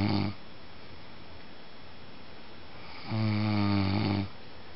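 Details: A man snoring loudly in sleep: low, rattling snores on the in-breath with quiet gaps between them, and a faint room hum behind.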